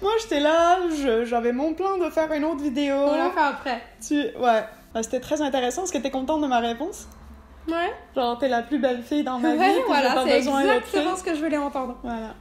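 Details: Adult women in conversation; Normal voice.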